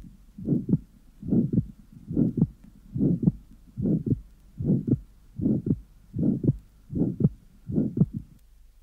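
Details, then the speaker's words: Soft pulmonary ejection systolic murmur with widely split second sound and accentuated pulmonary component, regular beat near 74/min; atrial septal defect in a 14-year-old boy, recorded at the pulmonary area in expiration. "this recording at the pulmonary area in the 14-year-old boy is taken in expiration the second heart sound is widely split with accentuation of the pulmonary"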